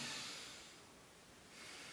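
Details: Soft breezy airflow heard by stethoscope over the back during deep inhalation and exhalation, fading then returning: normal vesicular breath sounds in a nursing-student demonstration of lung auscultation.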